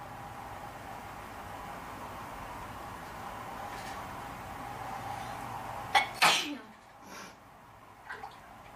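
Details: Induced sneezing in a person: quiet room noise, then a single loud sneeze with a sharp burst and a short trailing breath.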